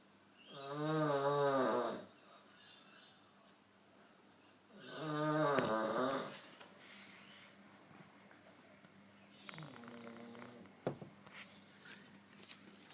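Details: Someone sleeping gives two long, loud, groaning snores a few seconds apart, then a softer one, with a small fart at the end; ordinary snoring.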